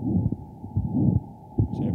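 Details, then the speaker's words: Stethoscope heart recording of aortic stenosis: calcified valve not fully opening, fast turbulent jet; low heart thumps with a rough whooshing murmur between them. "the valve doesn't open properly and then you get this really fast jet of blood going out of that narrow opening and that creates a bunch of turbulence if you can then pick up with your stethoscope and so that sounds something like this"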